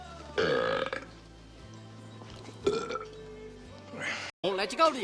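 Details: Burping scenes from movies: a long, low, rumbling burp, then another burp, with background music and brief speech; belching.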